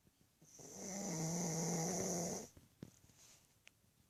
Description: Cute pug snoring loudly as she sleeps.